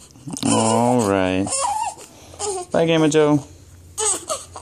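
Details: Infant with hiccups: voiced cry bursts with rising and falling pitch, separated by short breaths and quieter gaps.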